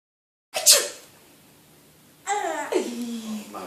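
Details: A parent's single sharp sneeze in a sneezing contest meant to make a baby laugh, followed by a pause and the baby's vocal sounds; sneezing.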